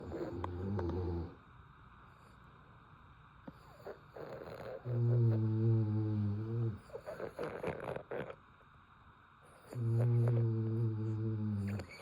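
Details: Sleeping French Bulldog snoring while dreaming: low, droning snores about two seconds each, with soft snuffles and small sleep noises between.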